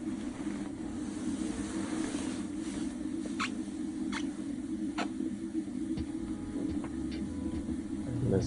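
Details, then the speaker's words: Brief high squeaks over a steady low CPAP machine hum during sleep in a sleep apnea patient, thought to be a minor mask leak caused by sleeping posture. "So So it might just be like whatever posture I landed in is causing like a minor leak in the mask."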